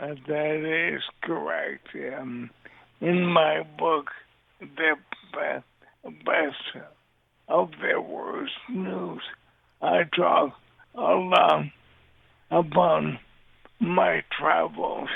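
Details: Dysarthria from ALS in a man living with the disease since diagnosis in 2014; his voice and mobility are affected, and he also uses a synthesized voice.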